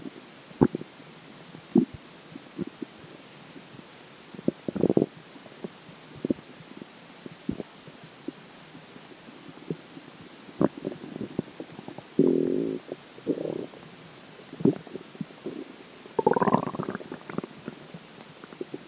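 Scattered watery gurgles and brief rumbles against a steady hiss; ordinary stomach gurgling.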